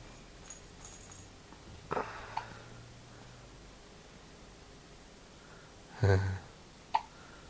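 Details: Infant hiccups while playing with a toy bear: sharp, sudden little catches of breath a few seconds apart in a quiet room; ordinary harmless baby hiccups.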